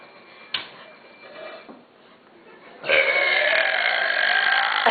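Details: A girl, showing boys how to burp, gives a long, loud, rumbling belch after quieter room noise and brief talk; her burps had been abnormal earlier but are back to normal; burping.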